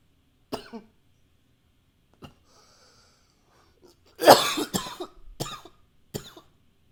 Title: 11 - coughing with a new microphone, some nose blowing sometimes